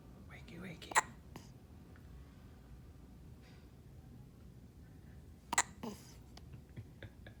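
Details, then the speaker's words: Sleepy person being woken with two sharp, brief hiccups several seconds apart in a quiet room, faint movement and breathing between: hiccups. "You got hiccups."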